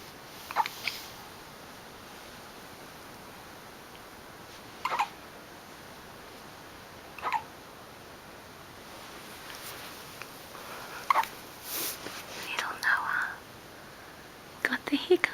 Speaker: hiccups, baby. You look like you're not sure what to do.